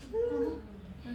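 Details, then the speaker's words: Expiratory grunting imitated by an adult lecturer in class: a brief voiced, moan-like grunt, described as a sign of a gravely ill, compromised neonate or adult. "Es quejido, está quejándose, es un quejido. Cuando ustedes escuchen eso en neonatos o en adultos, ese paciente está gravemente enfermo, está comprometido."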